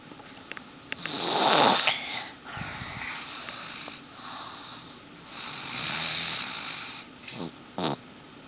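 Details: Baby boy filmed while sleeping: soft snoring breaths with snorting noises, partly masked by room noise; snoring.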